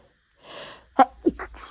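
A quick drawn-in breath, then a sharp explosive burst and a smaller follow-up: a single sneeze.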